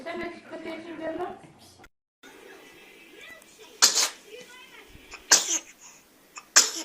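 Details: Three short, sharp, high-pitched sneezes from a newborn, with background voices and music. Normal newborn sneezing that clears the nasal passages, not a sign of cold or illness.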